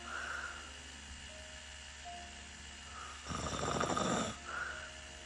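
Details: Snoring in a sleeping female client during a brow microblading appointment: a single rough, rumbling snore on the in-breath over soft music and a steady hum.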